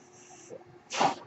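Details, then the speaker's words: Faint steady hiss, then a short loud rush of air as a mechanical ventilator delivers a breath to an adult man speaking while recording. "that noise you're hearing is my ventilator"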